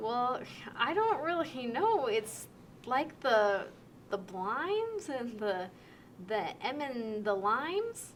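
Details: Simulated severe transcortical sensory aphasia in a picture description: fluent speech with relatively intact sentence structure but lacking meaning, mixing real words, made-up words, mixed-up sounds and unrelated words.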